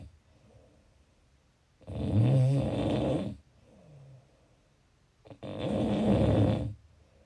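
Two loud rattling snores on breathing in, with quiet breathing out between, roughly seventeen breaths a minute.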